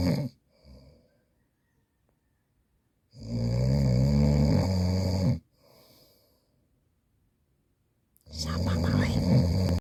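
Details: Adult woman (wife) snoring loudly while asleep: loud, rough, rattling snores on each in-breath with quiet gaps between them; ordinary heavy snoring.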